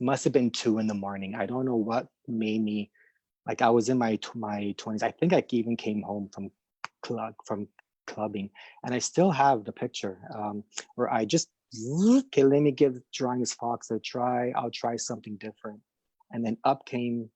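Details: Adult who stutters, speaking spontaneously; stuttering.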